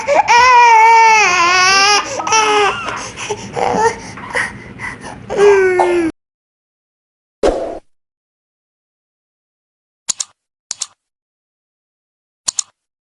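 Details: Infant with cough, allergy, runny nose and teething, seen at a pediatric hospital, cries loudly in sustained wails for about six seconds, followed by silence and brief faint sounds.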